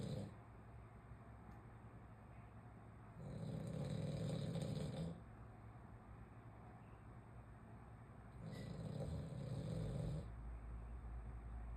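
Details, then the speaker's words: French bulldog snoring very loudly while asleep: two long, loud rumbling snores about five seconds apart with quiet gaps between. "Melina, why you snore so loud? Yeah, you snore really loud."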